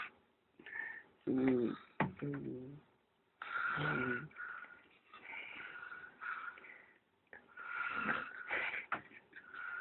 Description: A Video of me Sleeping with a crazy weird snore, brother decided to record meLMAO